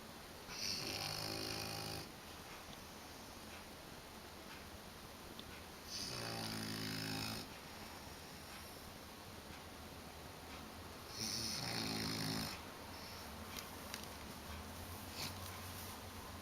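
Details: Puppy sleeping in, found snoring at breakfast time: three rhythmic rattling inspiratory snores, about 11 a minute, over steady room hiss. Snoring during sleep.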